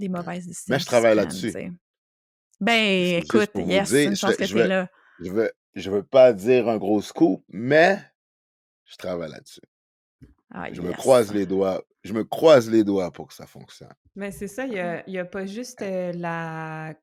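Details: Adult man who stutters, spokesperson for a Quebec association for children who stutter, speaking French; stuttering.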